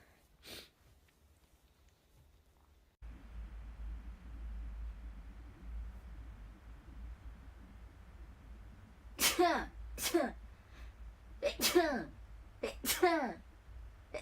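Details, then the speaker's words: Young Japanese woman sneezing from pollen allergy, with an itchy throat: four or five quick, sharp sneezes in succession over steady background hum. "くしゃみでそう。花粉すごいね。喉がね、喉がかゆい。"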